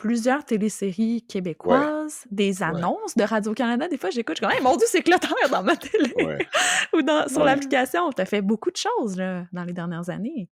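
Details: Adult speaker, conversational French; ordinary speech.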